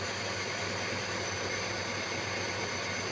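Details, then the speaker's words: Nebulizer compressor running during treatment of a patient's dry cough of several days, patient told to breathe in through open mouth; steady motor hum with constant hiss. "তো এইভাবে বন্ধুরা অক্সিজেনটা দেওয়া হচ্ছে, গ্যাসটা দেওয়া হচ্ছে।"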